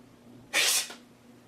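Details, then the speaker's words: Single sharp, hissing sneeze burst performed as a comedic imitation of one type of sneeze; sneeze. "every sneeze is unique it's like snowflake every snowflake is different"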